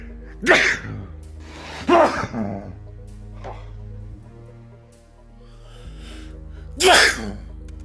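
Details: Three loud explosive sneezes with sharp onsets over steady background music; sneezing.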